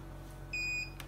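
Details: Single high steady electronic beep about a third of a second from an LG102P portable oxygen concentrator in pulse-flow mode when no breath is detected for over 60 seconds, yellow light flashing; oxygen concentrator no-breath alarm.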